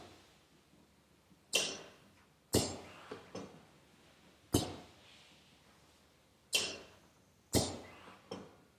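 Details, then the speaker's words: Sharp mechanical clacks and hissing bursts from a prototype BVM-based (Ambu bag) emergency ventilator for non-invasive ventilation, set to 12 breaths per minute at an I:E ratio of 1:2; ventilator cycling. "So we switch it on. It's set on 12 breaths per minute, an IA ratio of 1:2."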